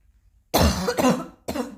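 Two short, loud coughs, the first longer with a throaty tail: a mild lingering cough.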